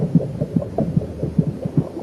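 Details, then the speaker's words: Simulated sound of heartbeats heard inside the womb: muffled low thuds in an overlapping rhythm, the mother's slower beat with the fetus's racing at about twice its speed; maternal and fetal heartbeats. "She will also hear the competing thuds of heartbeats, her own racing at twice the speed of her mother's, both her constant companions through her time in the womb."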